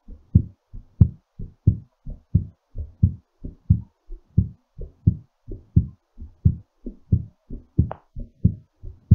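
Strong, regular heartbeat at about 90 beats a minute, somewhat fast as the heart slows after exercise; normal recovery rhythm.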